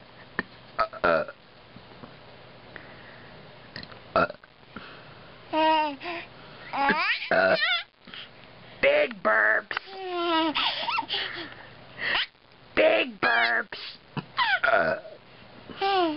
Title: Big Burps